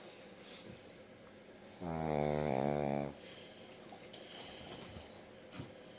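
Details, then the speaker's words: Dog snoring, possibly asleep with eyes open: one loud, rough, buzzing snore-like breath over quiet room noise. "I don't know if he's asleep with his eyes open because he sounds like he's snoring."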